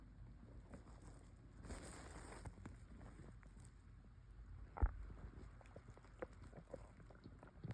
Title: Air swallowing (stomach noises)